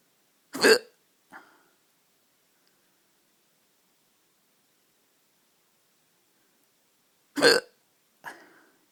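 Two sharp hiccups about seven seconds apart, each followed by a softer breathy after-sound, in a quiet room.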